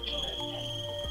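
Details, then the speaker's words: At a meeting: a steady, piercing high whistle with a low hum underneath. Loud acoustic feedback in a participant's hearing aid when the assistive listening system microphone is activated. "And one participant experienced a loud feedback in the hearing aid when activating the microphone."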